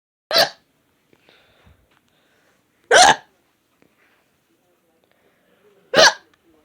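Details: Hiccups: three sharp, abrupt hiccups roughly every three seconds, about 20 a minute, with near silence between.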